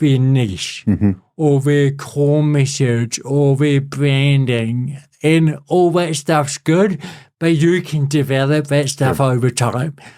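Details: Adult man with cerebral palsy since birth, a lifelong physical disability affecting the body's movement system, speaking in real conversation; dysarthria (cerebral palsy).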